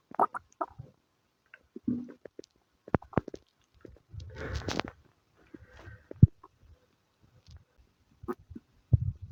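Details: Irregular low gurgles, squelches and bubbling rumbles with quiet gaps: stomach rumbling (bowel sounds) in a person with diarrhea and flatulence.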